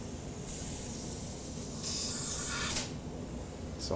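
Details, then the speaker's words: Soft hissing bursts of a handheld atomizer pressed by button, spraying topical anesthetic mist into the upper airway during a demonstrated awake intubation on a paramedic simulating upper airway obstruction; larger particles than a nebulizer; faint room noise. "simply by depressing this button it atomizes if i've used the term nebulize up to this point for this device that's not correct it atomize it so it it forms slightly larger particles again that will rain out in the in the upper airway"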